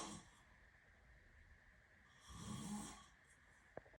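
A single low, rough inhaled snore between quiet breaths, in a quiet room; plain snoring.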